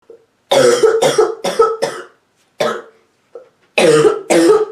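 An adult woman gives about seven short, harsh, hacking coughs with a barking edge, in quick clusters.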